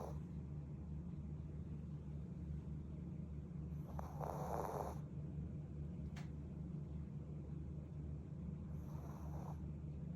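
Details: Shih Tzu dog named Mugi snoring in sleep, first time heard: two soft rasping snores about five seconds apart over steady low room hum.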